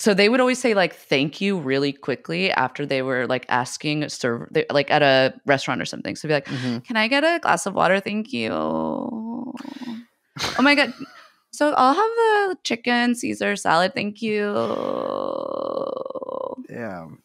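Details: Woman deliberately imitating vocal fry in an impression, not a real disorder; vocal fry (imitated).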